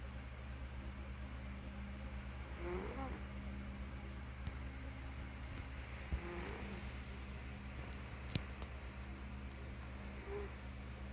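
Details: Soft, low snoring breaths recur every few seconds over a steady hum of room noise during sleep.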